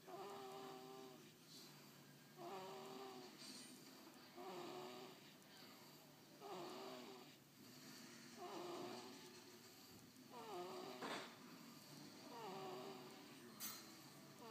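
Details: Soft, regular snoring with a slightly whistling, tonal edge on each breath, about 30 breaths a minute; a female snoring.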